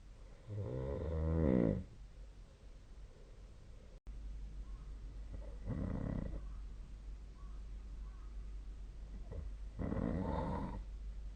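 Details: Snoring during sleep, recorded 2025/02/06 with the SnoreLab snoring app: three low rumbling snores about four seconds apart, roughly 15 a minute, over steady room hum.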